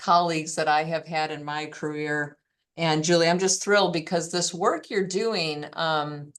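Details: Fairly classic adductor laryngeal dystonia without vocal tremor, with intermittent voice stoppages and a strain-strangled voice quality.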